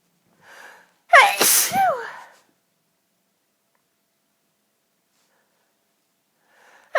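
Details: Sneezing fit ongoing about ten minutes with big build-ups: quick in-breath, then one very forceful, explosive sneeze with a voiced cry, another starting at the end.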